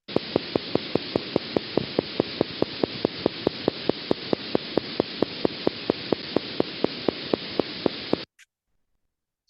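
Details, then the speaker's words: Needle EMG: sharp, regular clicks about four per second over steady static, fibrillation potentials, the abnormal spontaneous firing of denervated muscle fibers. "or sometimes people refer to positive sharp waves type of fibrillation potential the morphology really reflects where the needle electrode is relative to where the fibrillation potential is being generated along the fiber"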